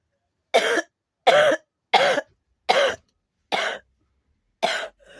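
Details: Person who smokes cigarettes and says they are still coughing: six separate harsh coughs about a second apart, each a short voiced burst; a repeated dry-sounding cough.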